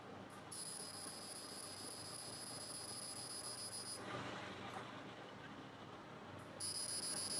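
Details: CO2 fractional laser resurfacing on facial skin after skin cleansing: high, steady electronic whine with rapid pulsing undertone that stops and restarts as the laser fires; sunblock applied afterward, described as very painful.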